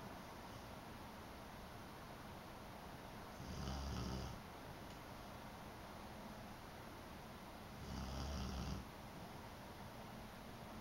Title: snoring